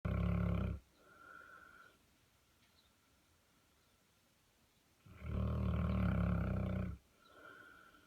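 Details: A sleeping 130 lb Saint Bernard lying in a clawfoot tub snores loudly, deep rumbling on each in-breath with a soft whistling out-breath, about 12 breaths a minute; snoring.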